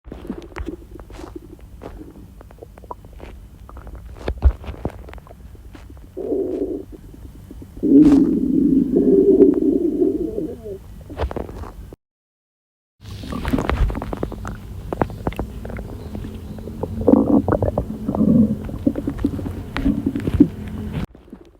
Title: Diarrhea stomach noises..